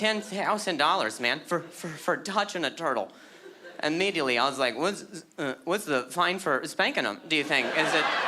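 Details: Acquired stuttering in an adult male, beginning at age 20 after a softball hit his throat, causing a minor vocal contusion and a major concussion later diagnosed as traumatic brain injury; word repetitions heard.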